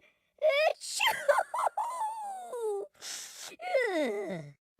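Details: Acted allergy sneezes in a cartoon character's voice (Mr. Wogglebug): voiced 'ah' build-ups ending in sharp, noisy sneeze bursts. Sneezing.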